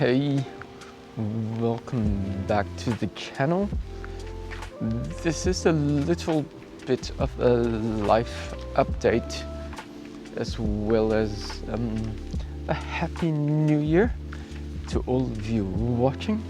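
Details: Acquired apraxia of speech in an adult male cyclist, starting a few days after a 14 December bike crash where he hit his head and blacked out; he reports it is improving.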